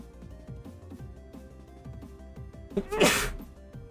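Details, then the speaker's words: Single, violent sneeze during a video-game livestream: a short catch of breath, then a loud, explosive burst over game music. "Hopefully you guys didn't hear that sneeze. It's a violent ass sneeze. Oh my gosh."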